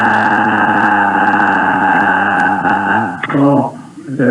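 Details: Patient example of rough (hoarse) voice on the GRBASI dysphonia scale, also showing asthenia, breathiness, hypernasality, wet voice and pasty voice.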